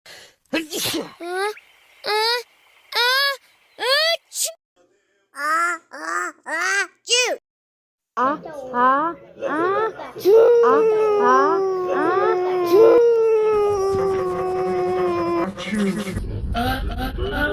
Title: 1 quad sneeze